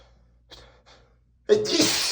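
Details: Two soft breathy intakes, then one loud explosive sneeze while reading a dusty book aloud, from a reader who says they are very allergic to dust.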